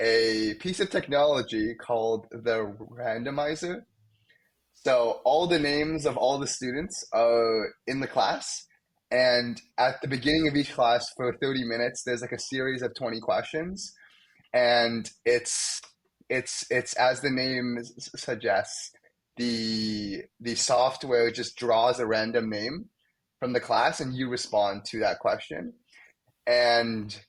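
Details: Young adult male first-year medical student who has stuttered most of his life, with blocks, especially on his name, and sound repetitions; had speech therapy and uses fluency targets only at times; stuttering.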